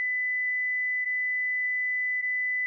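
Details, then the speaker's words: Steady, pure high tone lasting several seconds as a Philips HeartStart FRx automated external defibrillator delivers a shock in a demonstration with pads on a child's chest and back, between "deliver shock now" and "shock delivered." "press the flashing orange button now deliver shock now shock delivered be sure emergency medical services have been called"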